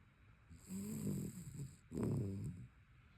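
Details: Rescue dog snoring while asleep in the morning: two low, rattling breaths with a soft whistle in a quiet room.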